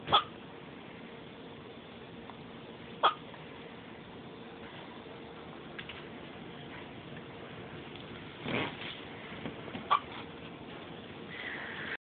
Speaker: You gotta suck if you want those nasty hiccups to go away.